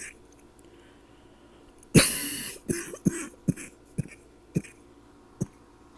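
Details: Coughing all night from a persistent throat tickle: one loud, harsh cough then about six short, sharp hacks in a quiet room; dry cough.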